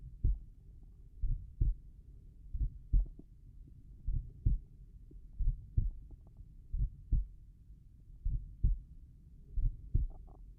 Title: Slow tricuspid valve heart sounds